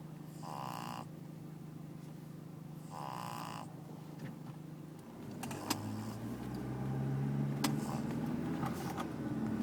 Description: Pug snoring